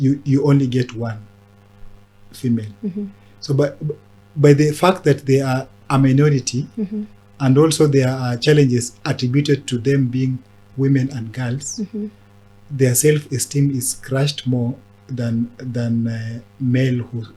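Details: Adult man who stammers since childhood and was mimicked at school for it, now a disability advocate who links stammering with mental health challenges; stuttering.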